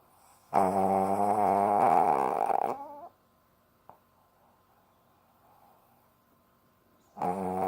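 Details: Female Lhasa Apso dog asleep in owner's arms: long, loud, buzzing snore of about two seconds, then a quiet pause and the next snore starting; loud snoring.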